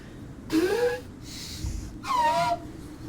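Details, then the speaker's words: Sneeze from a player during a live podcast recording: a loud voiced build-up, then a hissing burst and a high, trumpet-like squeal that others likened to an elephant, in a small room. "that sound like an actual elephant like from water like that I was laughing over here"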